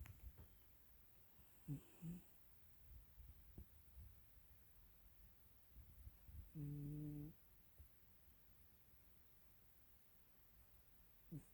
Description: Profile of my cat 'YuSo' snoring.